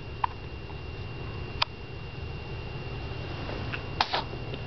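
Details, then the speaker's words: 7-week-old baby girl with hiccups: short, sharp catches about a second apart over steady room noise. "She has the hiccups right now."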